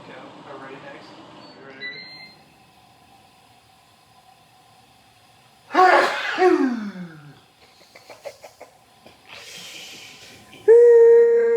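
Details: Adult man in a sneezing fit of four sneezes in under two minutes: a single loud, explosive sneeze followed by sniffing, with soft talk before and a whistle after.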